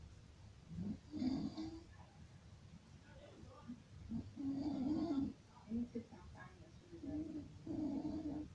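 Soft, irregular, groaning snores with breathy pauses between them, in a quiet room.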